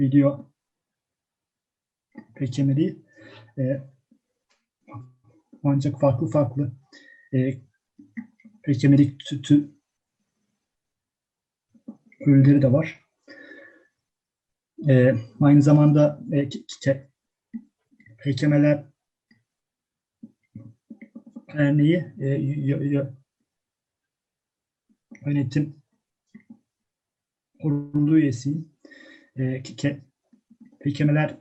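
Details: Stuttering in a female first-year university chemistry student speaking Turkish, with long silent pauses between words.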